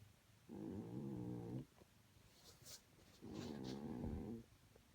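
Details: Miss Sally, the owners' oldest cat, asleep: two soft, fluttering snores, each about a second long; ordinary cat snoring.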